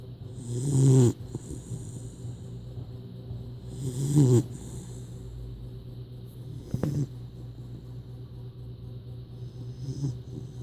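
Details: A sleeping puppy snoring like a grown man: deep, rough, irregular snorting snores a few seconds apart, with a faint room hum.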